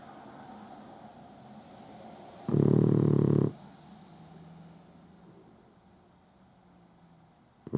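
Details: Sleeping male puggle dog that sleeps with his eyes open: one loud, rough snore lasting about a second, then quiet breathing; ordinary snoring.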